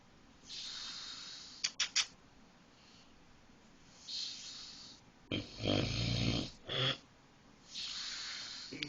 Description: Husband snoring.